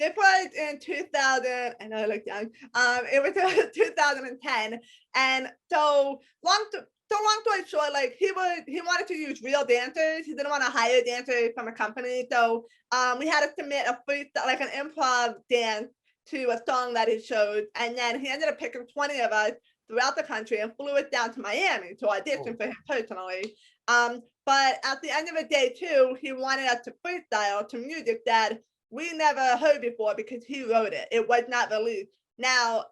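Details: Speech of an adult woman with congenital hearing impairment, diagnosed at age 3–4, who wears hearing aids in both ears, is completely deaf to high-pitched sounds, and has a speech impediment persisting despite extensive speech therapy.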